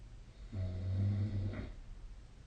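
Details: Sleep recording of a single low, rumbling snore lasting about a second, with a brief breathy rush at its end, in a quiet room; ordinary snoring.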